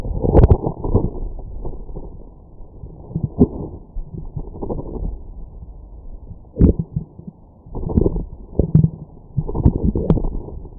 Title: Last Stomach Growls of 2020